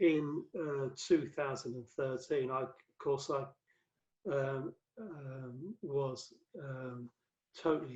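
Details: Adult male with aphasia after a massive 2013 stroke that left him paralyzed; five strokes (2007–2015), cerebral amyloid angiopathy; mainly word fluency, worse when tired or stressed, with reading and writing difficulty; aphasia.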